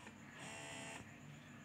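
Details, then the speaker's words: Hands-free cordless electric breast pump in massage mode: soft buzzing motor hum rising and falling in short "tut tut tut" cycles, a quiet, low-noise motor. "Jadi bunyinya tut tut tut gitu."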